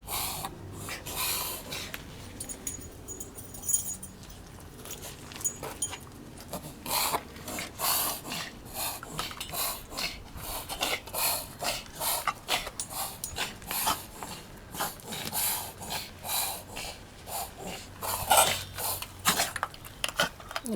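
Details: Dog Holly breathes noisily with repeated short snorting, rasping bursts through nose and throat; kennel cough suspected but uncertain; gums slightly pale, dehydrated, still eating and drinking.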